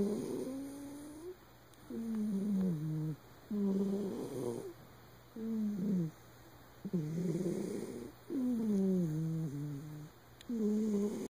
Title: Winkle the cat, snoring